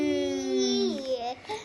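One drawn-out, high-pitched infant cry that falls in pitch and breaks off into short whimpers; an ordinary infant cry.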